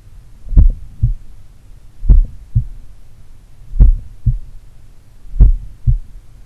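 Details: Self-recorded heart auscultation, about 1 minute each at the pulmonary, Erb's point and mitral sites, made in the morning by a person doing regular daily cardio training; normal heart sounds.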